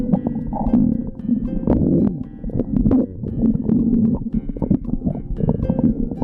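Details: Continuous low bubbling gurgles with squeaky and rumbling tones from an adult's stomach: stomach growling (borborygmi).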